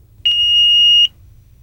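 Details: Philips HeartStart FRx AED switched on with the green on/off button after confirming apparent cardiac arrest: a single steady high-pitched beep under a second, the power-on tone, during a training demonstration.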